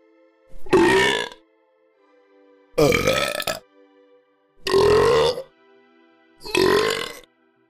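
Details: Four long, loud voiced burps in turn about two seconds apart with faint musical hum, cartoon animation sound effects, not real; burping.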